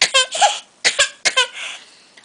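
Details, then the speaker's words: Infant's voiced laughter breaking into a few short, abrupt coughs in a small room, described as a horrible cough followed by a whine and a smile; sleepy infant. "oh that sounds like a bag oh no horrible cough followed by a wine and a smile from mama"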